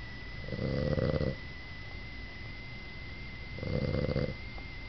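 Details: Snoring while asleep in bed, said to be not even as loud as usual: two slow, low rumbling snores about three seconds apart over a steady background hum.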